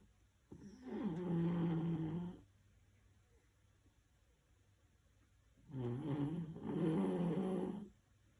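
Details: Corgi dog snoring: two long, rumbling, fluttering breath sounds separated by quiet.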